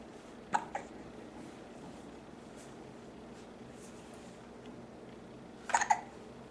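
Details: Two brief, sharp catching sounds about five seconds apart against quiet room noise; hiccups.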